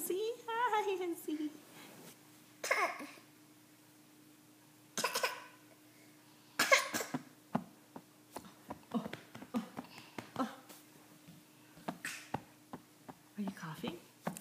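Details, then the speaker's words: Cough from a toddler boy, one of twins: a short voiced call, then three separate coughs with quiet speech-like sounds afterward, as an adult coaches him to close his mouth when coughing. "close your mouth like that ends up your mouth when you cough like that good boy"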